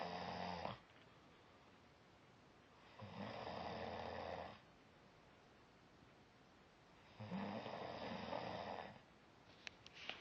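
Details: Three rhythmic, rough snores about three seconds apart with quiet pauses between, in a small quiet room; snoring.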